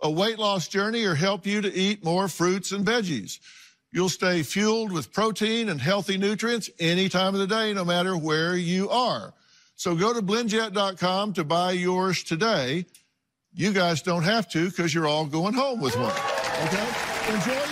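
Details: Adult male speaker; normal speech.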